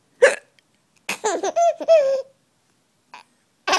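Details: A 5-month-old baby son laughs at his mother's hiccups: a sharp adult hiccup, then bright baby laughter, then another hiccup; ordinary hiccups.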